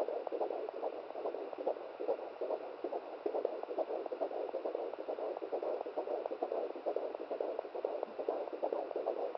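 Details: Home handheld fetal Doppler at 17 weeks of pregnancy, first-time use: rapid whooshing fetal heartbeat at about 136 per minute, irregular as the baby moves and the rate drops or the signal is lost.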